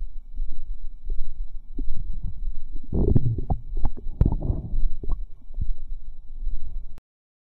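Low bubbling, gurgling and squelching with irregular pops and fizzes; active bowel sounds, a normal finding.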